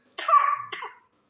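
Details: Pertussis (whooping) cough in a 3-month-old infant: two short, high, squeaky coughs in quick succession.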